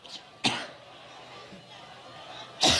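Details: A woman during a four-minute coughing fit while trying to give a Labor Day speech in Cleveland, Ohio: two sharp coughs with crowd and room noise in the background.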